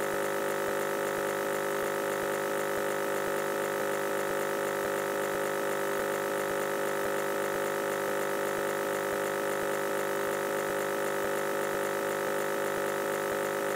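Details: Steady loud compressor hum with rapid rhythmic pulsing, a nebulizer machine running, presented as irregular relaxation white noise.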